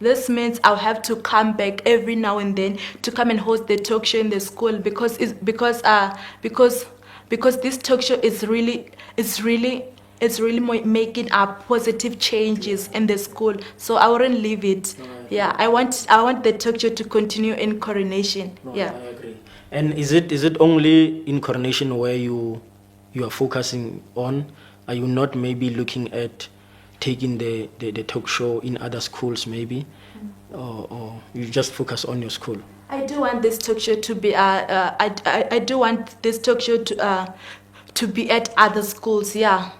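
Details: Male speaker who confirms he has a stutter, which is audible during the interview: stuttering.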